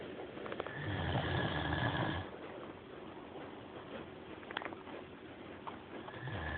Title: Snoring Great Dane Maximus